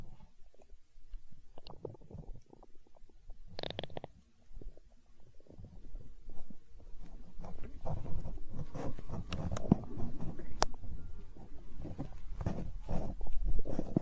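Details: Hunger stomach growling recorded for ASMR: low gurgling, rumbling bowel sounds building and rolling on (borborygmi).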